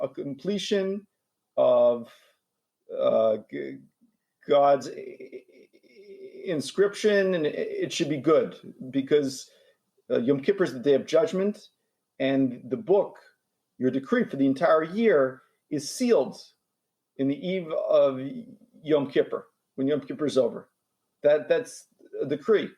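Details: Stuttering in a 43-year-old man who lets his stuttering out, going all the way through blocks with a rough push sound.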